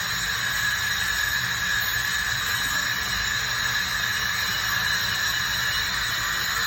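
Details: Ultrasonic scaler used by a dental hygienist to remove tartar and plaque in a teeth cleaning for sensitive teeth: a steady high-pitched whine and hiss with no breaks.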